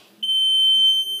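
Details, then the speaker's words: Home oxygen concentrator start-up alarm: a single steady high-pitched electronic beep that concentrators always give on starting. If beeping continues as though no oxygen is flowing, the circuit breaker should be checked. "there was a question about these guys having an alarm on them where they go beep beep and you have to press a button so your concentrators will always alarm little alarm when you start them up"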